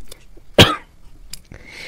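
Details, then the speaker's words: An adult man lecturing in Hindi, who says he has a slight cough, gives a single short, loud cough in a quiet room, with faint breath sounds before and after. "दोस्तों, एक आप लोगों से request मैं कर रहा हूं, मुझे थोड़ा खांसी हो गया है इसलिए कहीं कहीं कोई गड़बड़ हो तो क्षमा करें, मगर समझाने में कोई त्रुटि नहीं होगा।"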